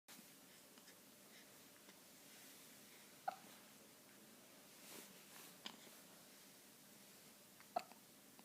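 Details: Three brief, sharp hiccups about two to three seconds apart over steady room noise; hiccups.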